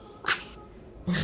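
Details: A brief, sharp airy burst, then the start of a second one: the sneeze of a 7-day-old baby after feeding, common and harmless at this age.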